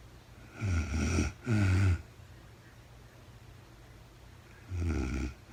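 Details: Real-time overnight recording of a very tired sleeping woman: deep, rumbling, fluttering snores, two close together, then a pause and another, over quiet room noise; snoring during sleep.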